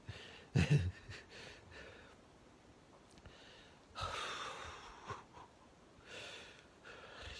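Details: A fit 49-year-old man in the early hours of day 5 of COVID-19 with returning fever: noisy, effortful laboured breaths with a sharp gasp; he says he cannot breathe or cough.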